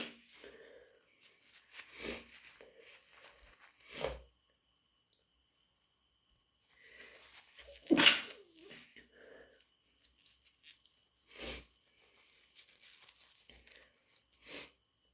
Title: Induced, half-stifled cat allergy sneezes